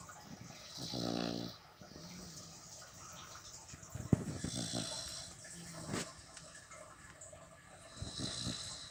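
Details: Sleeping beagle in deep sleep gives a low, rattling snore on one breath, then softer, airy snoring breaths; ordinary dog snoring.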